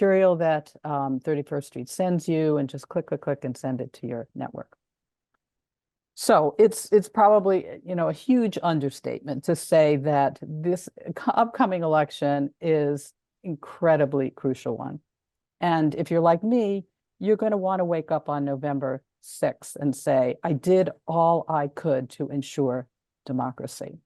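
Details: Adult speaker; Normal voice.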